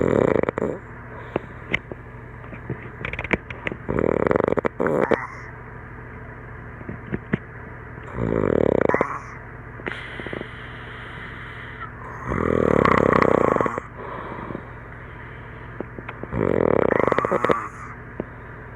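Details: Adult snoring after a campfire and drinks, filmed by a friend while sleeping: five loud, rough, rattling breaths about every four seconds, sounding like a tree frog or alien.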